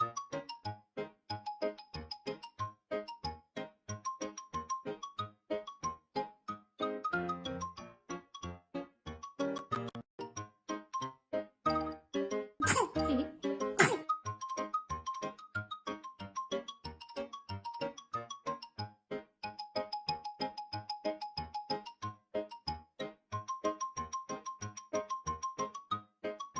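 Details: Newborn on the 3rd day of life sneezing: two quick sneezes over steady music-box style background music.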